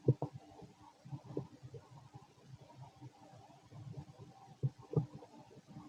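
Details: Fit male's stomach growling while digesting, very loud: quiet bubbling gurgles and a few louder pops from the belly; ordinary digestive bowel sounds (borborygmi).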